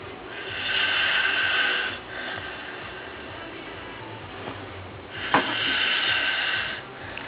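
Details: Snoring: two long, harsh, rattling breath noises a few seconds apart during sleep.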